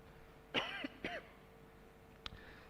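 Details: Adult man coughing while presenting city finances at a Surakarta council plenary session: two quick coughs, then brief throat-clearing, over a steady room hum.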